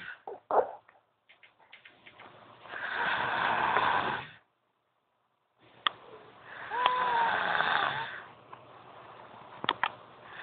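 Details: Girl snoring loudly: two long, rough, fluttering inhaled snores with a faint whistling edge and quiet pauses between; snoring.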